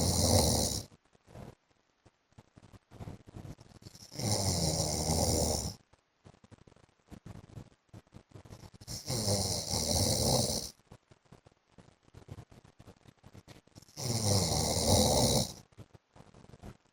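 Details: Adult man (husband) asleep: loud, harsh snores roughly every five seconds, about 12 a minute, with soft snorting and breath noise between; snoring.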